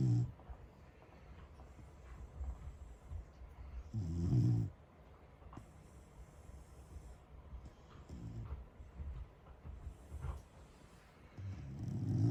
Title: Corgi has LOUD snores